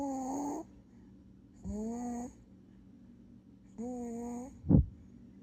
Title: my 2 month old baby snores like an adult 🤦 #baby #cute #funny #snoring #babyboy #adorable #cutebaby